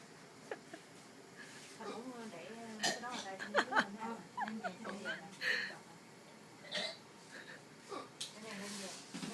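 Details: Hiccups in a hospital room where a grandfather is a patient and the woman caring for him hiccups whenever he does: abrupt hiccup sounds break into conversation and laughter.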